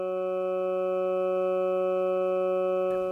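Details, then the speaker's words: EEG sonification from a "brain stethoscope" that turns brainwaves into sound to detect non-convulsive seizures, calm state with no seizure: a steady, smooth background hum without high-amplitude rhythmic surges. "when things are calm the sound is actually just almost a background home"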